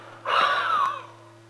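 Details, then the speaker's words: A patient with asthma doing chest physiotherapy after quiet diaphragm breathing makes one forceful open-mouthed huff, a forced breath out used to move mucus up for clearing. "now half out your breath now rest and breathe gently again with your diaphram this gives the bronchial tubes time to open up adequately before your next half"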